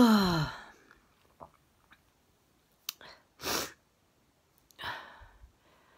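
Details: Person with intense sneezing fit causing a painful locked jaw: a loud sneeze, then sniffs, catching breaths and two further sharp sneeze-like bursts; repeated sneezing.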